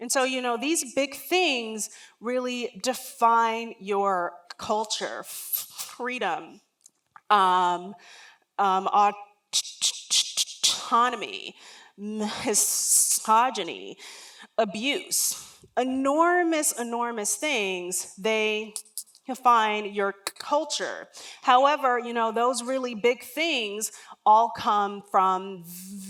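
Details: Adult woman, a lifelong stutterer whose stutter began around age three and was never outgrown, speaking during a talk; real, not acted: stuttering.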